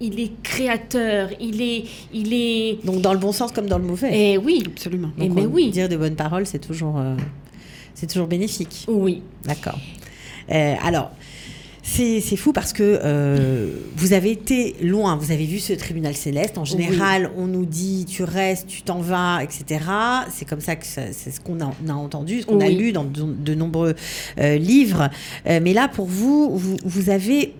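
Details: Adult women in conversation; normal speech.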